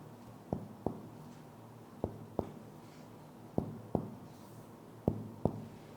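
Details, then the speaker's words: Finger-on-finger percussion over the intercostal spaces of the anterior chest gives paired low, hollow taps with a clear resonant note, the normal sound of percussed lung; normal resonant percussion note. "então você vencia esse som se chama som claro o monarca é o som do pulmão sendo percutido"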